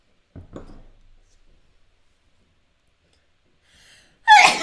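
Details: A single sneeze: a brief quiet voice and an inhaled breath, then one loud, sudden, explosive sneeze.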